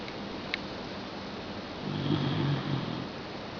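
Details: A Shiba dog sleeping in the family bed snores loudly: snoring.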